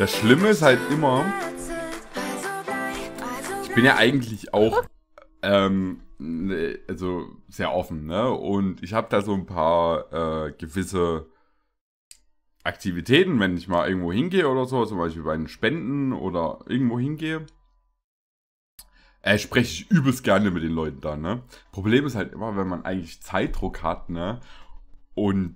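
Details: Adult male speaker; normal speech.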